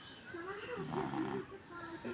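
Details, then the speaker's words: A sleeping young boy with a cold, fever up to 102.3°F and recent nebulizer treatment: noisy congested breathing with a rough, rattly, slightly whistling throat noise; the mother says he can't breathe properly. "আওয়াজ কেমন হচ্ছে ছেলে ঠিকমত নিঃশ্বাস নিতে পারছে না"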